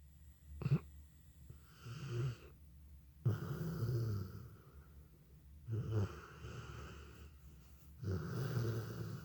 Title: Snoring Dog